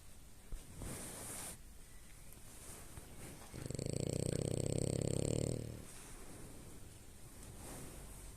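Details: French bulldog sleeping in bed: one loud, low, rattling snore lasting about two seconds between quieter breaths; dog snoring.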